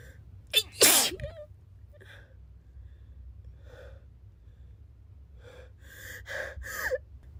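A quick gasping intake, then a loud sneeze, with softer voiced breaths and a short burst of sounds afterward.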